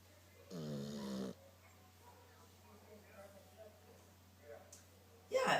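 A single loud, buzzing snore from a sleeping dog, followed by quiet murmuring and a final loud burst.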